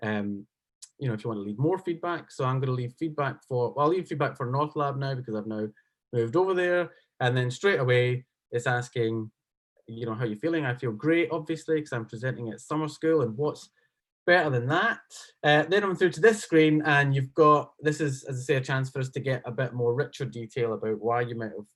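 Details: Adult male speaker; normal speech.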